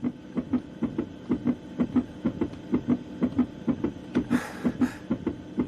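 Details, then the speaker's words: Dramatized scene: rapid, regular whooshing thumps of a fetal heartbeat heard through a prenatal monitor at a doctor's visit, described as fast as a moped. "Tu as entendu le cœur du bébé? Tac, tac, tac, tac, tac, tac. Il va aussi vite qu'une mobilette."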